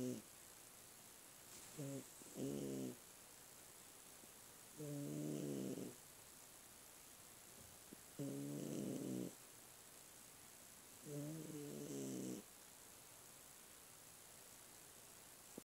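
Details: Sleeping cat snoring in short, buzzy bursts, roughly 20 a minute, against a steady background hiss.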